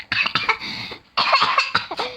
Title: I tried this filter on my mom and sister it made me laugh that I coughed 🤣😂😂